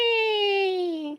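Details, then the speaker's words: One high, squeaky, whistling note, gently falling in pitch: an adult with asthma, currently very sick, imitating his own audible wheeze, which he likens to a squeaky toy. "wheezing when you have uh we have a sickness and you have asthma like I do you can wheeze and everybody can hear it my wife could hear it clearly"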